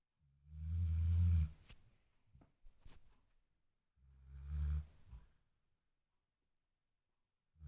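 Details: Snoring loud enough to wake the household, a habitual heavy snorer: deep, low rumbling snores on each breath in, about two heard, separated by quiet pauses.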